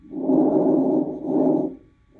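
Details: Soft, low rustling airflow in two smooth breath phases, longer inspiration than expiration; normal vesicular breath sounds on a simulator recording.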